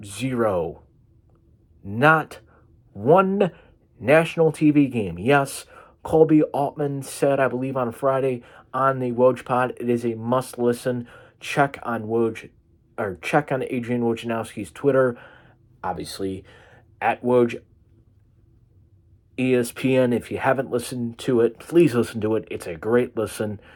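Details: Man with cerebral palsy causing an occasional stutter; stuttering (speech disfluency) with cerebral palsy.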